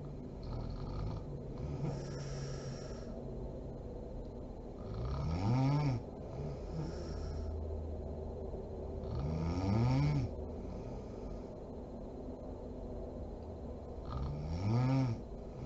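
Three loud, low, rattling snores on breaths in, about every four to five seconds, with quiet breathing between; ordinary snoring.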